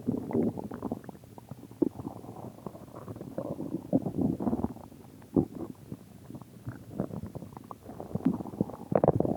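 Continuous bubbling gurgles and rumbles with short pops throughout. Normal stomach growling from gas and fluid moving through the gut.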